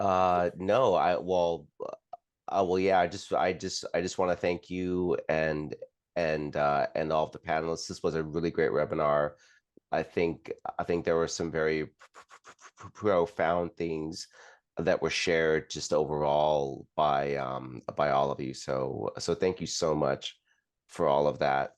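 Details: Adult woman who stutters, speaking in a webinar for people who stutter, with audible word and phrase repetitions; stuttering.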